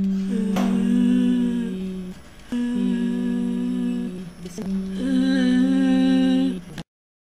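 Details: Voice of a patient with interarytenoid muscle weakness, recording marked 'post', likely after treatment.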